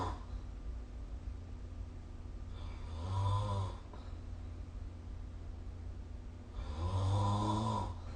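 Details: Snoring during sleep, recorded with the SnoreLab snoring-recording app.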